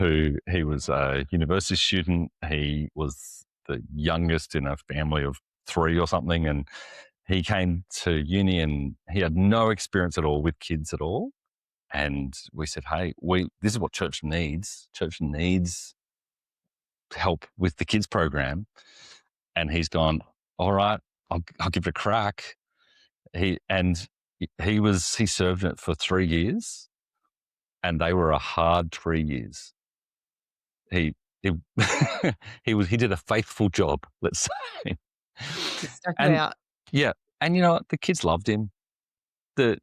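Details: Adult man, an executive pastor who lives and ministers with a stutter; stuttering.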